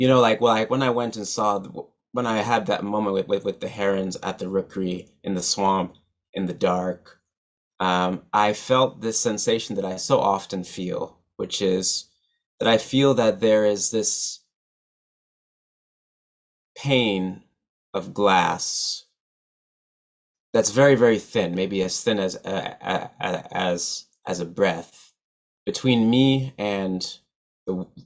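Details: Adult male musician and poet who stutters, giving a keynote speech at a stuttering association conference; stuttering.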